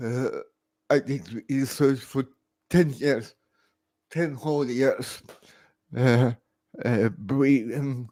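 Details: Adult man born 1968 with severe cerebral palsy after about 45 minutes without oxygen at birth; speech recognition programs struggle with his speech; dysarthria (cerebral palsy).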